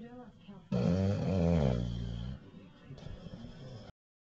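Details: Bulldog snoring, recorded in 2008 on a Flip Video camcorder: one loud, low, rumbling snore on an in-breath, then quieter snuffling breathing.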